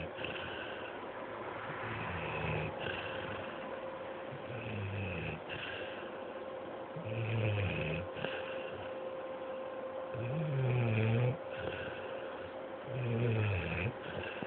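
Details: Dog snoring after a day at day care: low rumbling snores about every three seconds over a steady background hum.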